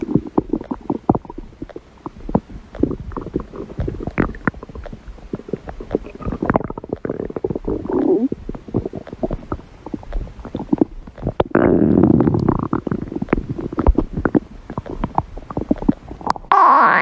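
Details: Hungry person's stomach growling: long run of gurgling, bubbling rumbles with irregular crackly pops; normal borborygmi.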